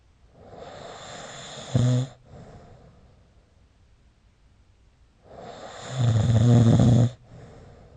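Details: Snoring recorded with the SnoreLab app: two loud, rough snores with low fluttering, separated by a quiet pause, with snorts nearby; snoring during sleep.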